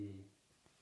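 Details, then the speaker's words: Normal vocal resonance with no egophony: auscultation of the chest while a male patient says a drawn-out "e", which sounds more distinct at the top and more muffled toward the bottom. "with the agophony it is normal that again the e sound is more distinct on the top and then less distinct towards the bottom because again we have the bigger branching off into the smaller Airways here so the sound gets more muffled and more indistinct"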